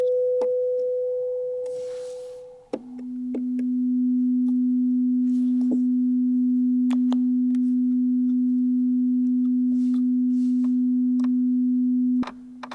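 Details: Steady mid-pitched pure tone, then a long lower tone, with soft clicks and rustles: audiometry test tones with masking in a binaural ASMR role-play of a hearing test by a Thai ear doctor and audiologist.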